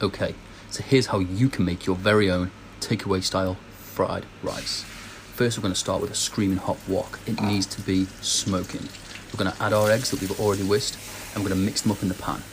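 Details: Adult male speaker; Normal fluent speech.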